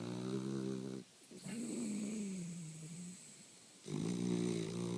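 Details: Sleeping dog snoring: low rumbling snores with a whistling note on the in-breath, separated by quiet pauses.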